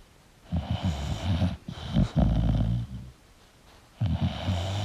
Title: 🐶 English Bulldog Sleeping & Snoring Sound Relaxing for Bulldog Lovers [1Hour]